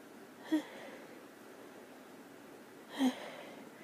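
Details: Two brief sharp sneezes about 2.5 seconds apart in a quiet room, during all-day sneezing from seasonal spring allergies on a March day, with watering eyes and itchy nose and throat: allergic rhinitis.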